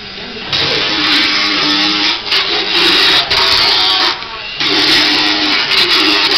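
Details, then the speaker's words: Motorized equine dental float filing a horse's teeth: loud grinding rasp in several bursts while the back four teeth are done after the front two. He feels no pain, just vibration. "not at all there is no pain on his tooth there's just a vibration and he'd rather be out munching and running"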